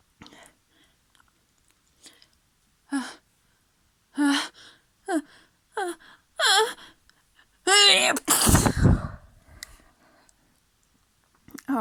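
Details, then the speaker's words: A run of short catching breaths and gasps building up while the speaker says their nose is tickly, then a forceful wet, messy sneeze burst; ordinary sneeze. "I'm so messy. Oh. Oh. I think I need to sneeze again."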